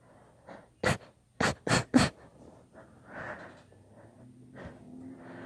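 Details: Induced sneezing fit: four sharp sneezes in quick succession, followed by gasping in-breaths and sniffling.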